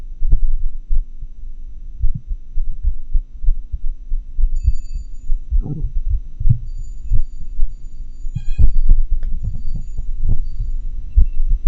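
Muffled heart thumps fall at irregular, unpredictable intervals, the irregularly irregular rhythm of atrial fibrillation, with faint electronic hum.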